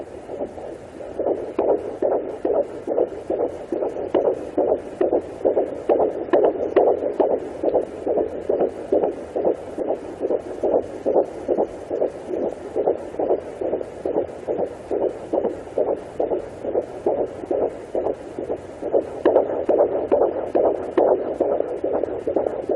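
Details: Pregnant woman at 18 weeks 4 days, baby girl, on a Sonoline B pocket fetal Doppler: rapid, regular whooshing beats at about 140 a minute, a normal fetal heartbeat.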